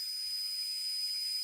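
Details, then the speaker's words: Simulated tinnitus as heard inside the head: a steady high-pitched hiss with a thin continuous tone. "What does tinnitus sound like? We can't hear it because it's going to cancel our own tinnitus out."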